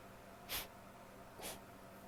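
Two brief, muffled bursts of air through the nose about a second apart, stifled sneezes.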